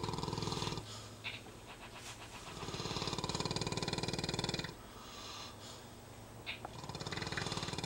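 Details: Snoring while napping: loud, rattling snores with a coarse fluttering quality on the in-breaths, separated by quieter out-breaths.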